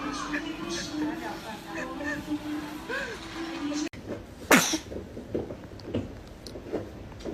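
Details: A single small, sharp sneeze from a baby after background chatter and music, then soft noises and laughter; sneezing.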